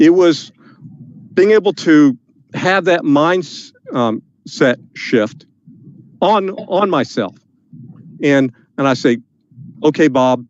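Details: Adult man describing his battle with stuttering, saying he may still stutter a little on stage; stuttering.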